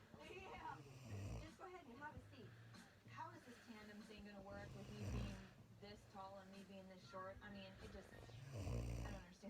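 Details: Low, rumbling snores from a sleeping woman recur roughly every four seconds beneath loud television dialogue.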